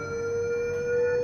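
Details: Steady, unbroken electronic tone from a Mindray BeneHeart D3 defibrillator, signalling that energy is charged and ready to deliver.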